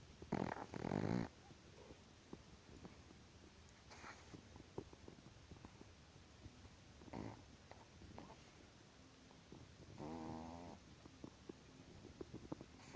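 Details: Sleeping Chihuahua dog snoring: a few loud, rough snoring breaths with quieter snuffly breathing and scattered clicks between.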